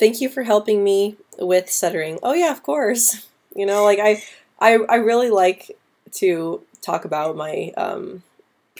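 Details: Female speaker who stutters, answering live questions, with a part-word repetition; stuttering.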